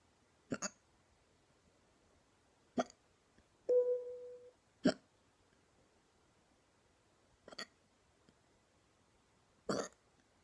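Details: Hiccups described as painful and called neck hiccups: six sharp, abrupt sounds over about ten seconds, irregularly spaced, in a quiet room.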